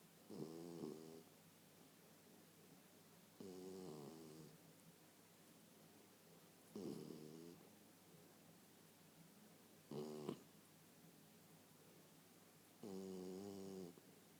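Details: West Highland White Terrier asleep, regular rattling snores on each breath, about 19 a minute; ordinary snoring.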